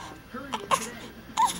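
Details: Baby boy with hiccups and a dirty diaper, pouting after passing gas: short fussing whimpers and cry bursts; a brief ordinary infant cry.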